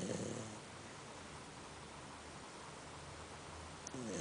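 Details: Labrador Retriever named Ivi snoring while sleeping: low rattling snore at the start and end of each breath cycle with a steady hiss in between.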